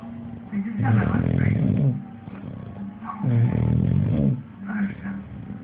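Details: An English Bulldog snores while asleep, nonstop every day according to the owner: two loud, rough, rumbling snores with quieter breathing between them and faint room noise.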